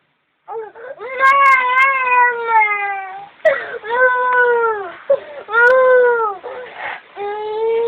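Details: A young child cries in drawn-out, wavering wails with catching breaths and whimpers between them; ordinary distressed crying in a quiet room.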